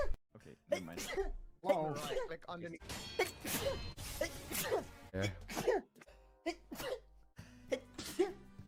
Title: 100 sneezes